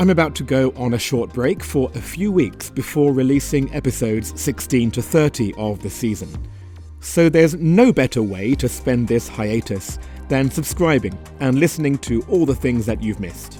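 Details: Adult male speaker; normal speech.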